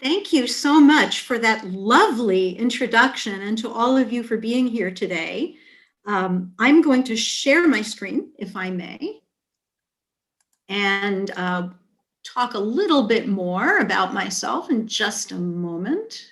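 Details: Adult woman speaking; typical speech.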